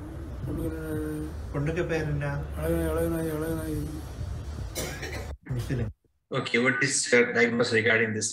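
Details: Patient repeating the last two words or syllables again and again; palilalia.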